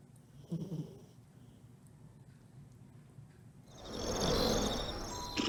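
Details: Small dog (miniature pinscher) snoring while asleep.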